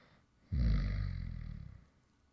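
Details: Adult male, light snoring after falling asleep mid-recording: a single low, fluttering snore lasting just over a second against a quiet background.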